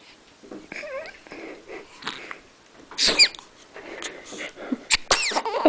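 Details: A person's sneeze caught on video, followed by others saying "bless you"; sneeze.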